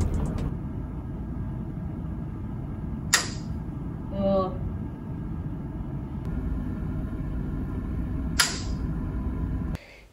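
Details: Transcranial magnetic stimulation experiment with EMG electrodes on arm and leg muscles: two sharp, loud clicks about five seconds apart, each a single magnetic pulse from the coil over the head's motor area, over steady room hum.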